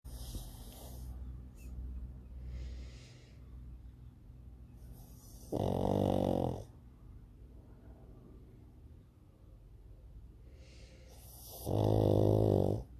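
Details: Two pugs asleep on a sofa during an afternoon nap, snoring: loud rattling snores roughly every six seconds with softer snuffling breaths between.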